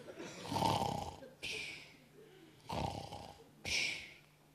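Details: Acted snoring by a man in a German comedy sketch: loud rasping inhalations alternating with hissing, whistly exhalations, about two cycles in four seconds; simulated snoring.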